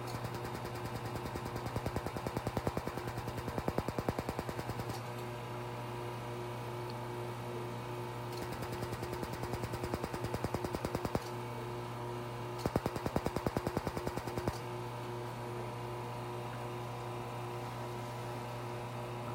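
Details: Rapid, regular clicking in runs of several seconds over a steady hum: a Laser Genesis cosmetic laser firing under the eyes of a female client wearing goggles, treating fine lines, near the end of the session.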